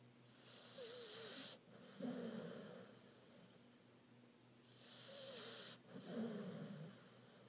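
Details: Pit bull dog snoring loudly while asleep: rattling snores over two full breath cycles, with a whistling tone on each breath in and a fluttering snort on the way out.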